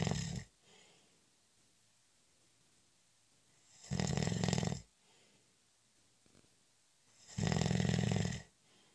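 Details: Loud, buzzing regular sleep snores every three to four seconds, about 17 breaths a minute, with quiet pauses between; ordinary snoring during a short nap.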